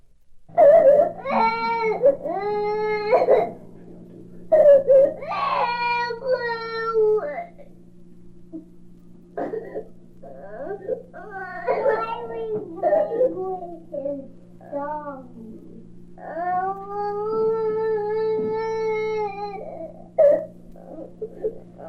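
Strong, steady toddler crying in repeated bursts with easy breaths between, a normal healthy cry without breathlessness.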